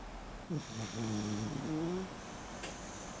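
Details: Miniature schnauzer dog in deep sleep, snoring like a little piglet: a short snort, then low, wavering, whistly breath sounds; soft snoring.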